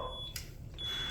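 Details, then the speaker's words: Zoll ventilator training demo for paramedics: a steady high electronic alarm tone with a brief break, warning that the raised FiO2 setting cannot be met because no O2 tank is attached. It clears when returned to room air. "now it's going to give me alarm it's going to say well we can't suck in any more oxygen because we don't have a O2 tank attached"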